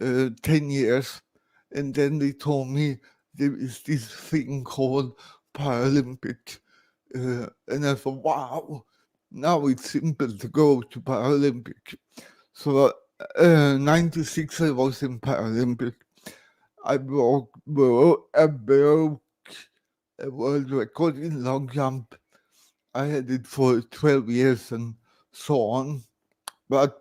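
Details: Dysarthria in an adult man born in 1968 with severe cerebral palsy caused by lack of oxygen at birth.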